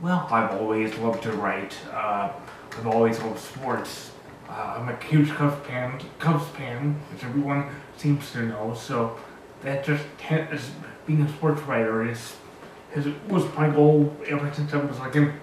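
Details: 36-year-old man with cerebral palsy, born two months premature, describing himself as very high-functioning; dysarthric speech in cerebral palsy.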